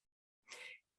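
A single short, hissy burst of air after a brief silence, consistent with one sneeze.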